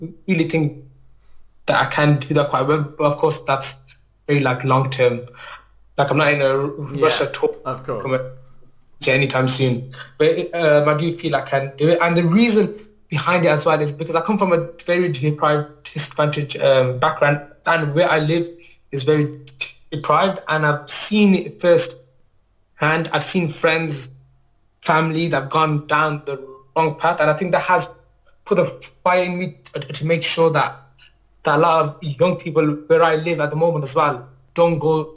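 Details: Adult male teacher with a stammer since childhood, which he describes as neurological, mainly blocking on words and sounds and worse when nervous; stuttering (stammer).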